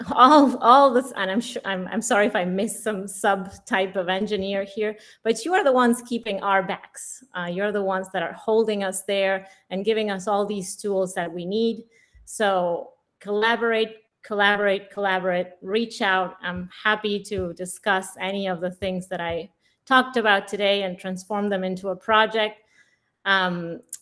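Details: Adult woman speaking; ordinary speech.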